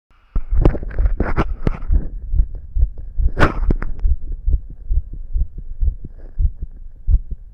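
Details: A boy's recording of his own rapid heartbeat, felt and visibly pounding in his chest: fast, steady low thumps at about 140 per minute with some rubbing noise.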